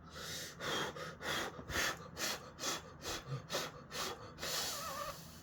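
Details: Person with a deviated septum and cervical dystonia demonstrating obstructed nasal breathing: about ten quick, loud, rough and effortful hissing sniffs through the nose.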